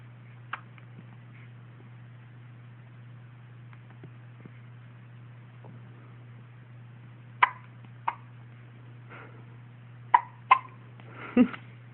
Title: Twin hiccups